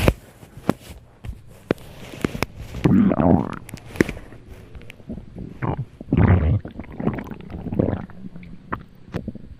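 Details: Stomach growling (borborygmi): scattered low gurgles and a few longer growling rumbles among clicks and handling noise.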